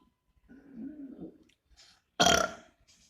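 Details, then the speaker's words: Deliberate burp during a burping challenge, attempting the loudest possible: a quiet rumbling attempt, then one loud, brief belch in a quiet room; burping. "So, you know what? Forget it. I'm just going to try doing the loudest burp that I can do."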